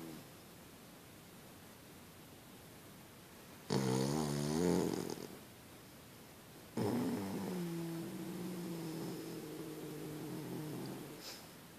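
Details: Binkie, a Boston Terrier sleeping soundly in bed: two loud, drawn-out snoring breaths with a buzzing, fluttering quality, separated by a quiet pause.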